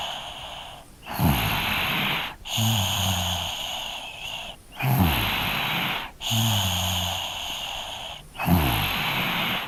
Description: Field recording snoring child 3 years old recording with zoom h2n.